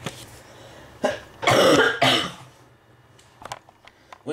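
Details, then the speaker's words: An adult with a cold and a croaky voice gives a few harsh, slightly wet coughs in a small quiet room. "I'm sorry if my voice sounds a bit croaky, but I'm sorry if I sound like I've got a frog in my throat, but I've got a cold."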